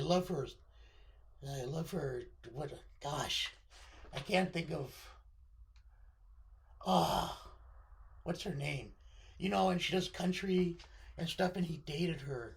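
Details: Adult man with left-sided vocal cord paralysis following surgery, limiting voice control; pitch varies from very high to baritone and is sometimes scratchy; vocal cord paralysis.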